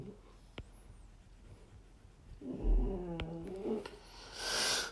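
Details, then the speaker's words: A single low, rattling snore-like breath from a French bulldog sitting in the owner's lap while he draws, amid quiet room noise and a few clicks: snoring. "By the way, if you hear snoring in the background, that's just my French bulldog as usual. She sits in my lap as I draw."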